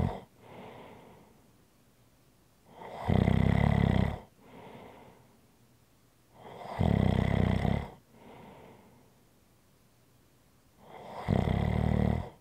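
Three loud, rattling snores on the in-breath, each followed by a softer breath out, about 14 breaths a minute.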